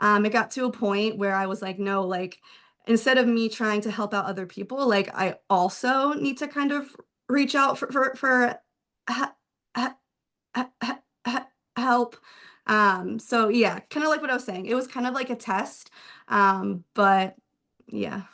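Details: Adult male speech-language pathologist who stutters; stuttering with audible word repetitions.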